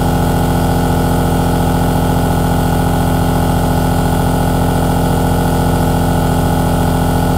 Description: Listen to this 3H aerosol nebulizer relaxing sound, recorded in high quality !!! Baby sleep sound.